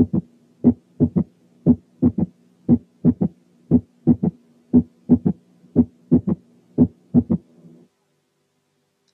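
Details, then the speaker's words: Third heart sound (S3): soft, dull extra sound shortly after the second sound, further from S2 than a split; heard with light stethoscope pressure at the apex (left ventricular) or tricuspid area (right ventricular); regular rate near 58 per minute. "ثانياً، تاني حاجة ممكن تعمل صوت زايد بعد السكند ساوند هو الثيرد هارت ساوند."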